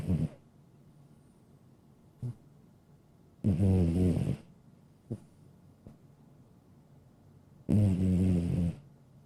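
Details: Sleeping cat snoring: slow, loud rattling snores about 14 a minute, with quieter snuffles between.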